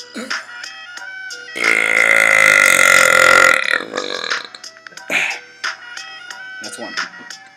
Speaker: you my burping talents cuz I can do back to back